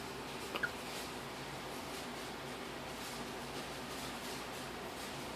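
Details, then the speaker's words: Hiccup in a 3-day-old newborn girl: a single soft, short hiccup against steady room hiss. "recording her? Yeah, she hiccuped. Huh? She hiccuped."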